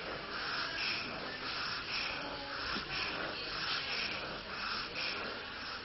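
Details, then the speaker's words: Child breathing rapidly and noisily, with a hissing, whistling wheeze on breathing out rather than stridor. "Or you may hear other noises when the child breathes out, such as wheezing."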